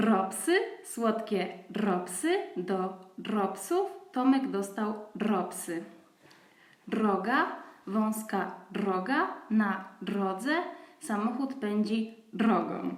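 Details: Adult woman in rhotacism therapy making first attempts at the new trilled /r/ in clusters such as 'dr', which appeared after about two weeks of tongue muscle exercises and elicitation from an alveolar sound; rhotacism in therapy (early trilled /r/ attempts).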